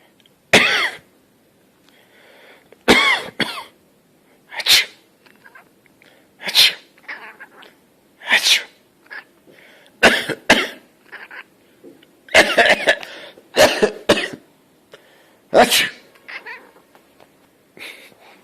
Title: Adorable cat appears to say 'bless you' when you sneeze Daily Mail Online